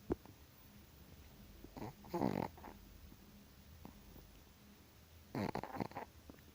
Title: Chihuahua dog snoring loud 😴 / perro Chihuahua roncando